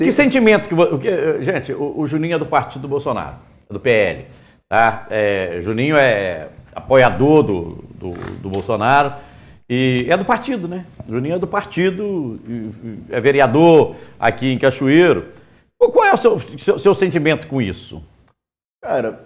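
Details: Adult male speaker; Normal speech.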